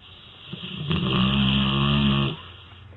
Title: Sleeping Dogs snoring and makes funny sounds!